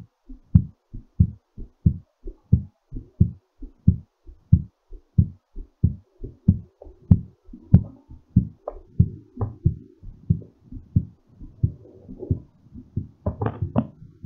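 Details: Normal heartbeat settling after exercise: strong, regular low thumps at about 92 a minute, slightly quick.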